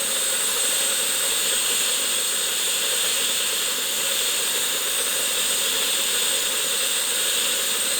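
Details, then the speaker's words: High-speed dental handpiece with bur gives a continuous hissing whine cutting an access hole into an extracted tooth (three root canals) to find the pulp chamber; simulated root canal demonstration, the tooth assumed deeply decayed. "이건 이제 실제 입안에서는 충치를 제거하는 과정이 되겠죠. 여기서 이제 치수강을 찾기 위해서 구멍을 내기 시작합니다."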